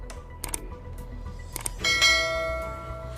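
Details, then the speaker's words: OWGELS 5L oxygen concentrator (with nebulizer) switched on in oxygen mode: a few clicks, then a sustained electronic chime as it starts delivering oxygen flow. "अब जैसे आपने option है तो आप देखिए यहां पर बाल आना शुरू हो चुका है यह देखिए यह कंसंट्रेट कर ऑक्सीजन को फॉलो देना शुरू कर चुका है"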